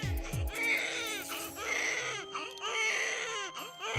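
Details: A newborn boy cries just after birth; his mother has diabetes, so he is taken to the nursery for blood sugar monitoring; newborn cry.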